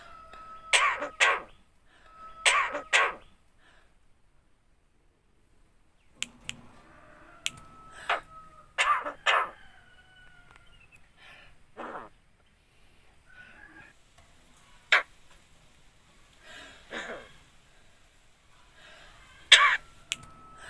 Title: BURUNG JALAK KEBO BISA NGOMONG, ASSALAMUALAIKUM DAN BATUK